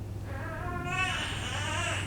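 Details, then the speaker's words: A newborn baby boy's brief, thin cry rising and falling over room hum as he wakes from a nap, after his mother's second, unmedicated natural birth. "that's my newborn waking up from his nap okay never mind maybe he's still sleeping"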